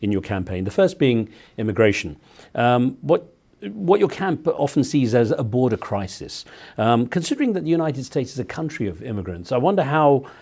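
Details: Adult male speaker; typical voice.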